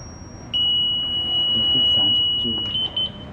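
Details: Steady high-pitched electronic charging tone from a defibrillator during its pre-use self-test at 30 joules, discharged into a defibrillator tester.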